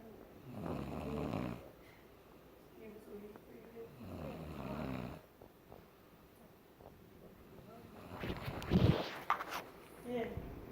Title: Caught my daughter in law snoring lol